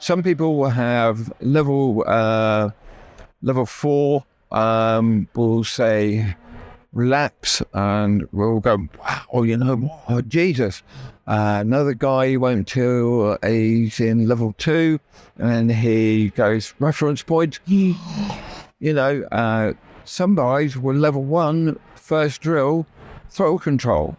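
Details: Adult male, real (not acted), with persisting aphasia after a stroke that paralysed his right side; he had to relearn speech and left hospital able to say only three words; finding: aphasia after stroke.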